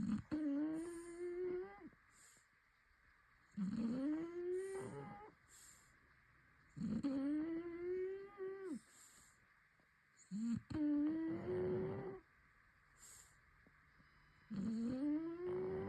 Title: Shar Pei snores staring Toby